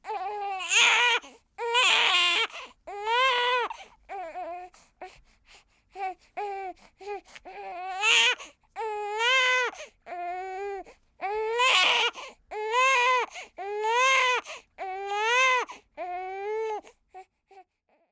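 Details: Newborn girl one week after birth, recorded with a ZOOM F8n and a Sennheiser MKH416 microphone: repeated high-pitched wails with short catch-breaths between, about fifty cries a minute. Newborn crying.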